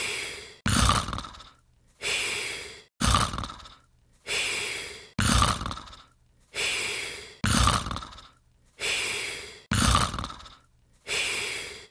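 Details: Cartoon Pink Panther snoring sound effect, simulated: rasping in-breaths alternate with breathy out-breaths, about 13 cycles a minute. Exaggerated, imitated snoring.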